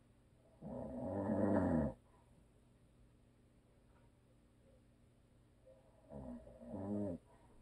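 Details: Husband who always snores, recorded for ASMR with no video: two loud, drawn-out, groaning snores about five seconds apart in a quiet room; heavy snoring.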